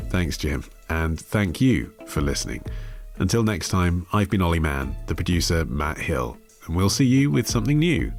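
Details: Adult male speaker; normal speech.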